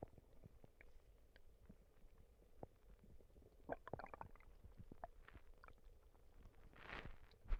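Quiet, low gurgles and squelching rumbles from the belly, with a louder burble near the end; ordinary bowel sounds.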